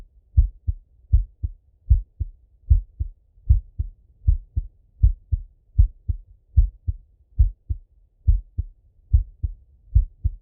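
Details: Male heartbeat by stethoscope during full heart auscultation, recorded either sitting at a desk or lying in bed: clear, regular lub-dub at about 77 beats a minute with no extra sounds; normal heart sounds.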